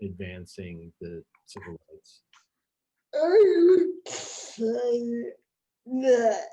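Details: Real speech from an adult woman with cerebral palsy, a condition present since she was born before the ADA; dysarthria (cerebral palsy).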